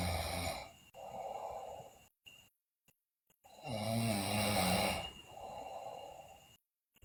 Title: Sleeping Girl Loudly Snore, Bruxism, Delirious